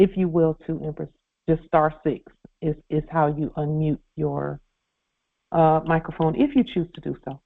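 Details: Adult man speaking over a phone or conference line; Normal speech.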